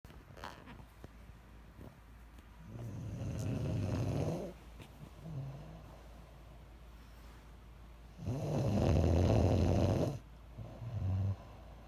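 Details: Self-recorded snoring, labelled "30 weeks": two loud, rough, low snores on inhaling, several seconds apart, with quieter breaths between during sleep.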